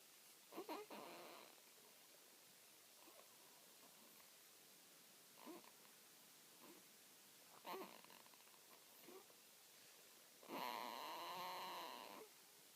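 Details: Sleeping newborn girl aged 3 weeks 2 days making soft snorts, grunts and a longer squeaky groan over quiet room noise; typical noisy newborn sleep.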